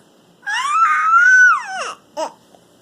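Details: Baby at bedtime who has had hiccups while being tickled by the father gives a single rising and falling wail about a second and a half long, then a brief short cry in a quiet room; ordinary infant cry.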